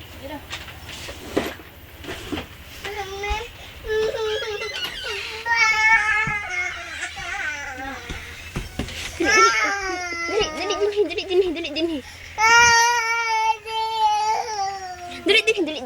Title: Crying babY.mp4